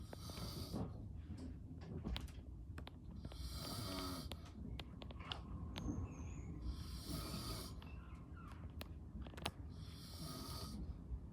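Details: Adult man (father) snoring during sleep: rough, low snoring breaths about every three seconds, with faint room noise and small clicks.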